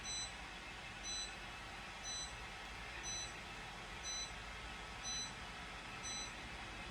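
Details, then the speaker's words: Short high beeps about once a second over steady machine hum from a Chattanooga high-power Class IV laser treating a patient's chronic supraspinatus tendonitis at the shoulder, signalling the next treatment phase: therapeutic laser phase-change beep. "So you heard the double beep, so now we've moved into the next phase."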